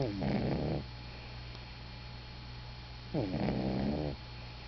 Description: here she is again... snoring away at daddy's feet...